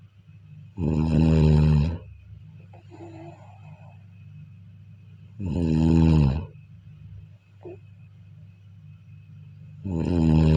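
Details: Sleep recording of a person snoring: deep, vibrating snores about every four to five seconds, roughly 13 a minute, with faint breath sounds between.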